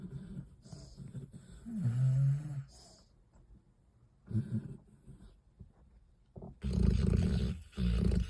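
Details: Snoring from sleeping dogs: irregular rumbling, snorting snores on breathing, uneven in strength, with some quiet gaps.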